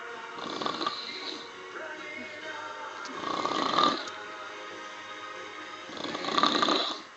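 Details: Woman asleep after drinking wine, gin and tonic and Baileys while watching a Neil Diamond concert: three loud rasping snores about every three seconds, with music playing in the background.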